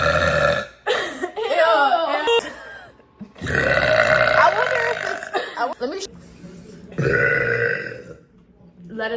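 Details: Several loud, long, rumbling belches with brief talk between them; a person burping.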